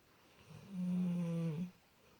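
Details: Sleepy subject snoring loudly for the past 10 minutes, at times sounding like an angry cow: one drawn-out, buzzing, humming snore lasting about a second in a quiet room.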